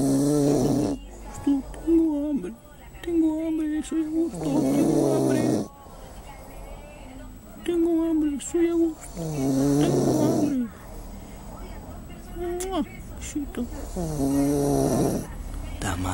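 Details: Adult snoring loudly and rhythmically during the early-morning hours while asleep, with voiced groaning and mumbled sleep talking between breaths.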